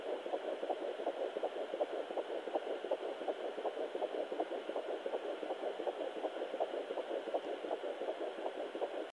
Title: My baby's heartbeat at 12 weeks on Sonoline B fetal Doppler